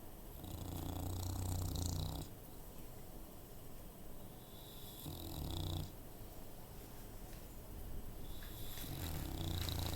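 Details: Female bulldog snoring, low rattling snores on each inhaled breath with quieter exhalations, about three cycles in ten seconds.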